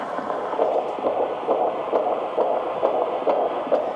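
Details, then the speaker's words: Rapid, regular whooshing fetal heartbeat at about 133 per minute on the monitor, described as nice, regular and very strong. "nice and regular as you can hear, and it's very strong."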